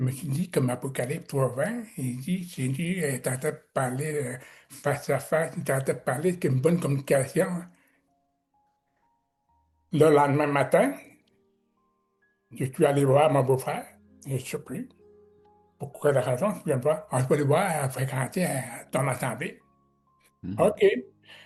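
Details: Adult man with severe-to-profound deafness who learned to pronounce letters, speaking French; deaf speech.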